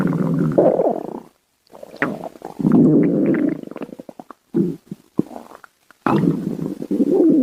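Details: Loud gurgling, groaning rumbles in bursts with short quiet gaps: ordinary stomach growling (borborygmi).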